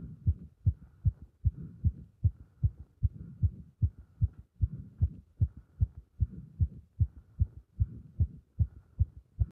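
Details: Heart sounds recorded with pressure on the chest during squats: fast, regular heartbeat at about 150 beats a minute, a rapid but steady rhythm from exertion.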